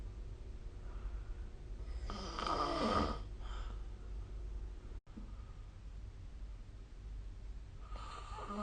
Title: 🐽 Snoring Sleep Sound